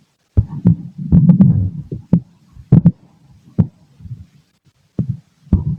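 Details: Adult male abdomen through a stethoscope while digesting lunch: low gurgling and rumbling with a few thumping heartbeats; normal bowel sounds.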